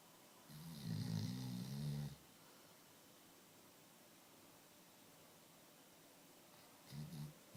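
A deep, rumbling snore lasting about a second and a half, followed by a quieter one; ordinary snoring of a sleeping dog.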